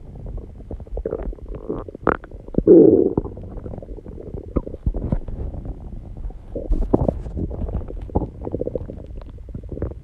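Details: Own recording of stomach growling: irregular gurgling, bubbling and rumbling from the belly with one louder growl; ordinary borborygmi.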